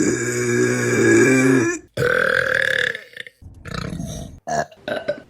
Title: Burping Compilation May 2023 #3 | RBC